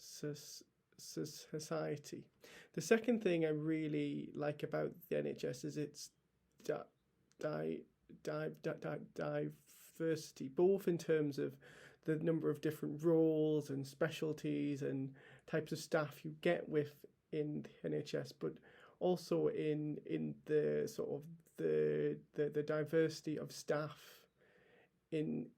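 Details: Stammering in an adult male NHS paediatric trainee doctor who has stammered for as long as he can remember.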